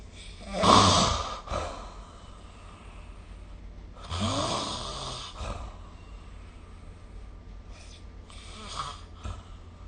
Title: 🐽 Snoring Sleep Sound / いびきの音